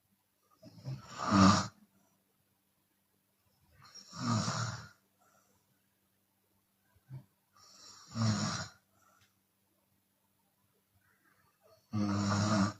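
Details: Chinese woman snoring with her mouth open: four loud, rough snores about every 3.5 seconds, roughly 17 breaths a minute, with a faint breathy exhale between; open-mouth snoring.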